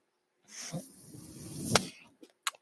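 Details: Mechanical ventilator sound: a steady rushing hiss of airflow lasting about a second and a half, ending in a sharp valve click and small clicks. A podcaster's own ventilator is heard delivering a breath while he speaks.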